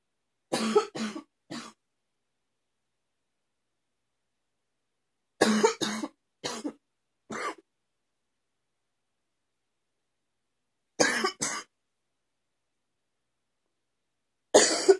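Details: Morning cough that continues: four bouts of short, dry coughs, about ten in all, separated by quiet pauses; cough.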